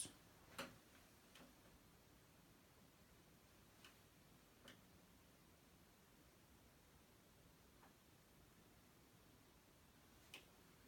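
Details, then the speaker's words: Adult male patient in a nursing abdominal assessment, auscultated with a stethoscope across all four quadrants starting in the right lower quadrant: faint, irregular clicks and soft gurgles over a quiet abdomen, judged normal bowel sounds. "sounds like mr. Hubble has some normal bowel sounds today"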